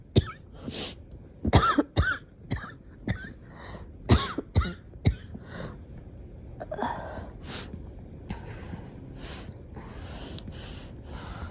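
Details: Girl coughing: about ten short, sharp coughs in uneven clusters, some with a throat-clearing quality, followed by breathy noise.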